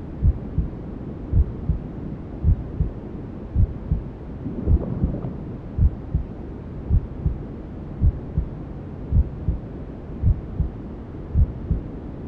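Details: Newborn-sleep ASMR simulating womb sounds: steady low muffled heartbeat around 54 beats a minute over soft rushing white noise, imitating a mother's heartbeat and sounds heard before birth.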